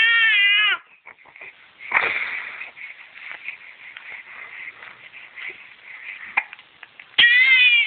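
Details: 9-week-old infant crying in a tantrum while having hiccups: high-pitched wavering cries at the start and end, with softer whimpers and catches of breath between.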